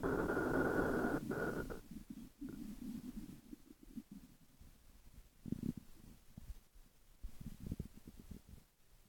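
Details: Low gurgling and rumbling with a brief squeal at the start, then soft bubbling pops, from a 12-minute recording of stomach growls; borborygmi.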